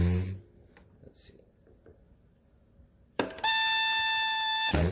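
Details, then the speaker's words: ParaPac transport ventilator: quiet clicks, then a steady loud reedy buzzing as the pop-off pressure relief valve vents when pressure exceeds the set pressure, e.g. when the patient coughs. "the sound you'll hear. Let's say if the patient's coughing or for whatever reason the pressure goes above the set pressure that the pressure that you set on the knob right there."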